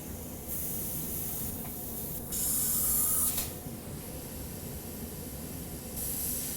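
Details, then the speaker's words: Bursts of soft hissing mist as 4% lidocaine (10 cc, 400 mg) is sprayed onto the uvula for topical anaesthesia before awake intubation in a patient with simulated upper airway obstruction. "just gonna spray the uvula now because i grabbed the uvula a couple of times and"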